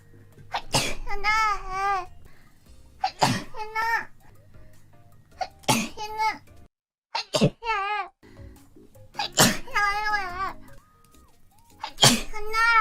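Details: Nachoneko sneeze compilation: about six repeated sharp sneeze bursts, each followed by a brief high-pitched voiced sound or giggle.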